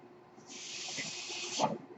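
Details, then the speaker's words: Airflow of the speaker's own home mechanical ventilator: a soft hiss rises, holds just over a second, then fades as one breath is delivered. "Hello everyone. That noise you're hearing is my ventilator."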